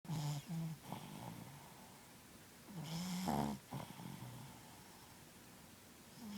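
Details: Sleeping, dreaming dog: low, rumbling snores in two clusters, with short soft whimper-like tones between breaths. Snoring.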